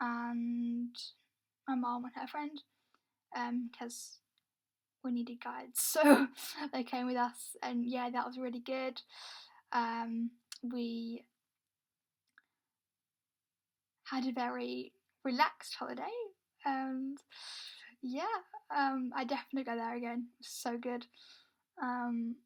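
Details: Stammering (stuttering) in a woman who says her stammer makes her take longer to speak.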